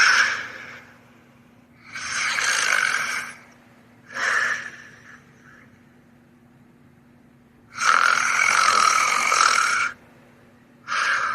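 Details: Loud, harsh snoring breaths in bursts with quiet gaps and one long rasping inhale; snoring.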